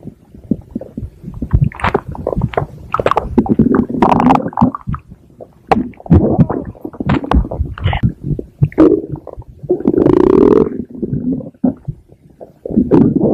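Loud, long rumbling and gurgling with bubbling bursts and groans; stomach growling, a normal gut sound.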